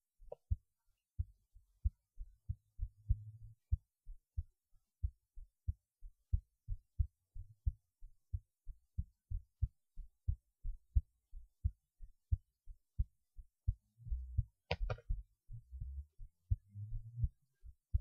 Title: heartbeat while lying on my left side